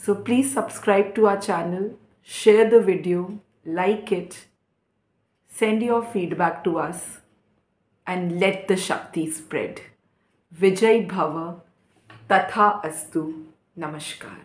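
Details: Adult woman speaking; no disorder.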